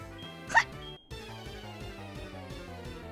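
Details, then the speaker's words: One brief, sharp hiccup over steady video game music, from an adult streamer with chronic hiccups due to acid reflux. "That was a hiccup. I have chronic hiccups. Sorry if you hear the random hiccups. I have chronic hiccups because of acid reflux."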